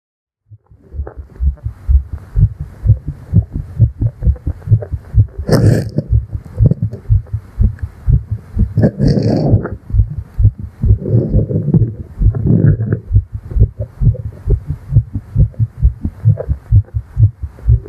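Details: Rapid, regular heartbeat at about 130 beats a minute heard close against a female chest, presented as a roleplay of a tired fairy after flying; fast heartbeat.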